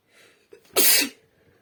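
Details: A single sneeze in a female after feeling itchy, with a short intake of breath then one sharp explosive burst into the hand.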